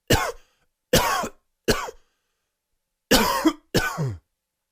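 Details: Allergy-related dry, wheezy coughing fit: five dry, harsh coughs in an irregular pattern, the later ones carrying a faint whistling edge.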